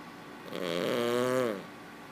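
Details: King Charles Cavalier puppy snoring, quieter than usual for him: one drawn-out, buzzing, slightly whistling snore breath.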